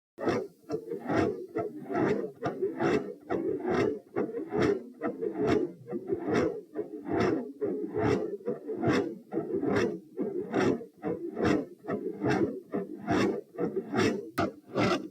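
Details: Slowed-down recording comparing two fast heart rates, one with a separate underlying murmur and one with a loud S1, taken at position p while standing; regular thumps with a continuous rough whooshing between beats, a heart murmur.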